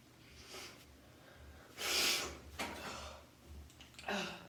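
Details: Person sneezing nine times in a row using a twisted tissue, with sniffling and sighing: forceful, airy sneeze bursts with sniffs and breathy sounds between them.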